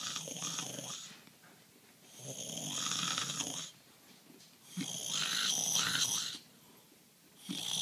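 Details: Husband snoring at night, recorded by a sleepless spouse: loud, rough, rattling snores on each breath with quieter pauses between, about three breaths in eight seconds; heavy snoring.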